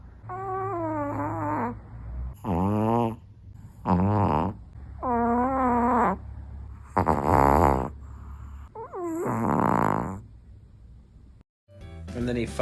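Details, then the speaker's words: Small 8 lb dog asleep, snoring loudly like a much larger animal while the owner watches TV; snoring. "trying to watch some TV but my dog won't stop snoring"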